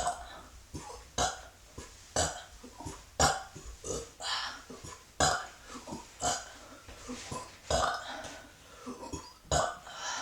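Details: A run of short, abrupt burps roughly every two seconds with faint room noise between, taken as a break from outdoor work; ordinary belching.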